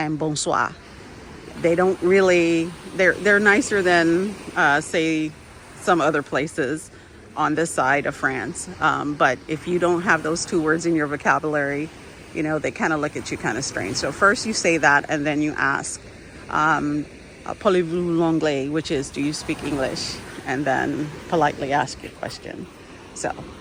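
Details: Adult woman with intermittent vocal fold paralysis, part of her disability, slowly improving, has had speech therapy; shaky voice with vocal fold paralysis.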